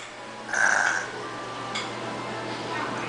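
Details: A child playfully imitates snoring on request, making one short, rough, snorting vocal sound followed by faint breathy noise; imitated snoring, not real sleep.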